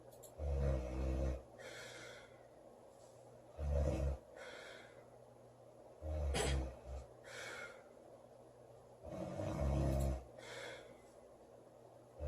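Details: Loud snoring from a sleeping girl: low, rattling snores on each breath in, with softer breaths out, at about 18 breaths a minute.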